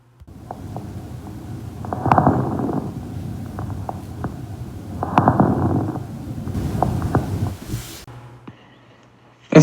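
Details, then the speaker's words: Fine crackles (crepitant rales) heard at the end of inspiration during a clinical skills respiratory auscultation class: short, fine crackling pops clustered late in each inhalation, described as sounding like a lock of hair rubbed near the ear. "Los estertores crepitantes se auscultan al final de la inspiración, y estos tienen un sonido semejante al que se escucha cuando se frota un mechón de cabello cerca del oído."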